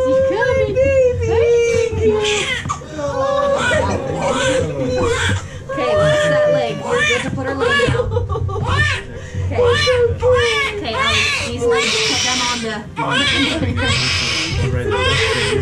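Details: Newborn baby girl's cry just after a successful VBAC vaginal delivery: short wailing bursts with music and adult voices in the background; a normal first cry.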